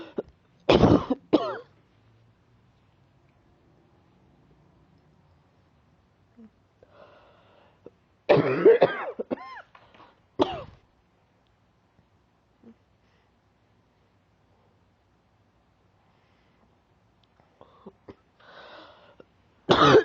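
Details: Several loud cough bursts in short clusters, with throat clearing and quiet breathing between them; an ongoing cough that the person says is still present but getting better.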